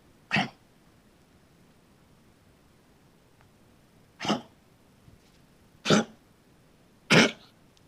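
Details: A dog gives four short, harsh hacking coughs at irregular intervals over about eight seconds.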